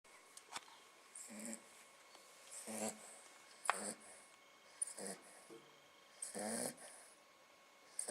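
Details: A dog curled up asleep in a basin, snoring.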